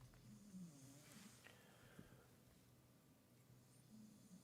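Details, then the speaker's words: Sleeping dog snoring while dreaming and twitching her paws: faint, low, irregular rumbling snore against soft room noise. "Oh, you can hear Watson snoring. That's good. I'm glad. She's really going for it as well. She's having a dream."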